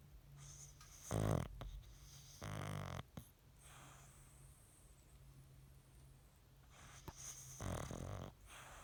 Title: Snoring Dog